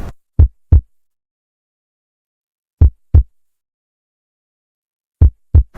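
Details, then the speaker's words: Slow paired heart sounds at the mitral focus (fifth intercostal space, midclavicular line), about 25 beats a minute, a markedly slow heartbeat: bradycardia. "Así se escucha una bradicardia o un corazón lento."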